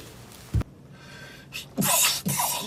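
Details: Two quick voiced, hissing sneezes from an adult man, over faint background music.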